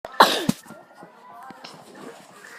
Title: I sneezed in the middle of Kiki do you love me